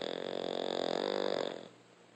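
A single rough, rattling, fluttering breath sound that fades out, like one snore from a dog.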